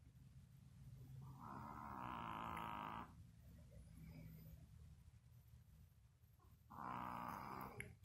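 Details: Yorkie dog sleeping with two loud, drawn-out, rattling snoring breaths separated by a quiet pause; faint room noise; snoring.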